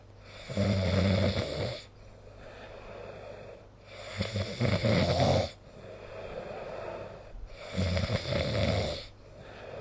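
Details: Snoring recorded with the SnoreLab phone app: three loud, low rattling snores on the in-breath with quieter gaps, about 16 breaths a minute; ordinary snoring during sleep.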